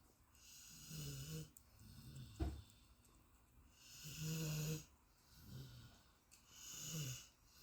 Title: My Golden Retriever deep sleep snoring #dogsnores #dogsleeping